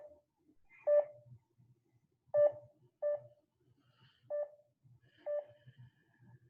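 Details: Pulse oximeter with irregular, unreliable tracing; its audible beep can help judge whether the heart rhythm is regular or irregular, with tone modulation lowering pitch as SpO2 falls.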